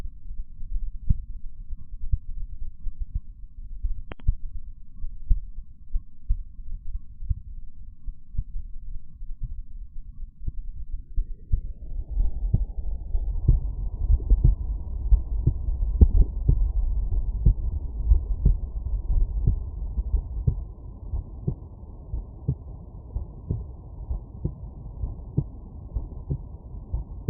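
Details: Normal heart sounds heard through a stethoscope at Erb's point: regular, low heart thumps at about 60 per minute with a normal rhythm.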